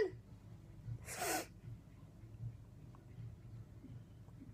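A single sharp, explosive sneeze breaks through quiet room noise. No rapid run of sneezes follows within this stretch.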